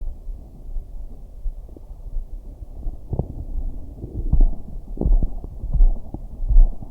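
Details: A woman's stomach growling (digestion or hunger sounds), low muffled abdominal rumbling with irregular gurgles and clicks, recorded for her to hear via headphones during hypnosis.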